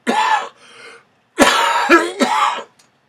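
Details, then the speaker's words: A lingering bronchial cough, said to be much improved: a short run of about four harsh, voiced coughs with a throat-clearing quality. "can hear that bronchial now. So it's gotten much better."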